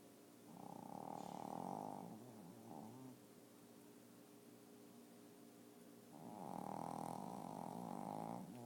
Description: My shih tzu was taking a nap and snoring up a storm!